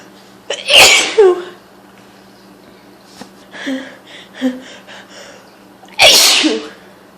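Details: Repeated loud sneezing from hay fever: two loud explosive sneezes with softer breaths between them.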